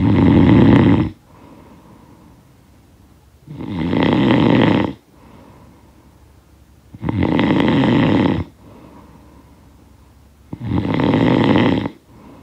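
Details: Loud, rough, rattling snores on each breath in, about four in twelve seconds, with quieter breathing out between; snoring from a sound-effect recording.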